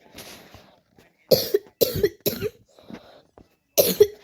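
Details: A run of four to five harsh, forceful coughs with short pauses from a sick child with a sore throat who says they can't breathe well.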